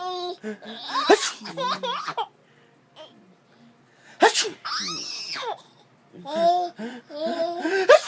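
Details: An adult man sneezes twice into a tissue held by his 9-month-old baby girl, and each sneeze sets off bursts of hysterical infant laughter.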